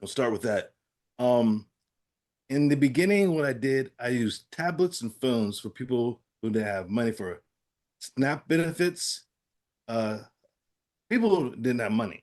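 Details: Adult man with aphasia following a stroke, real patient in recovery with therapy-app practice; aphasia.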